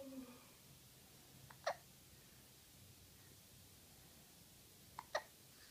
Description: has one enemy and his name is hiccup. Hiccup comes without warning and gives his best shot.